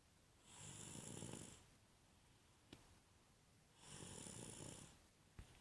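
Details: Snoring: two rasping snores on the in-breath in a quiet room, with quiet pauses between and a faint click after each.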